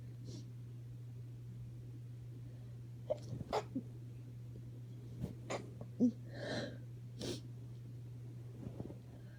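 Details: Stifled allergy sneezing from a woman at night: several short, muffled, nearly voiceless held-back sneezes over a steady low hum.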